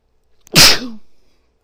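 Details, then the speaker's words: Simulated, acted sneeze by a person allergic to guinea pigs, hiding in a pet store: a single sharp sneeze with a brief voiced tail; sneezing. "They just make me so sneezy. So sneezy."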